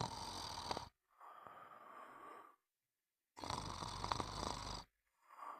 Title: Sound of snoring